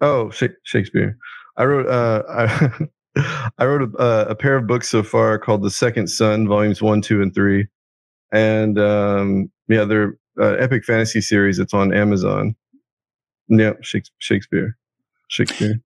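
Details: Adult man with Tourette syndrome whose involuntary vocal tic is repeatedly saying "Shakespeare" mid-conversation: vocal tics of Tourette syndrome.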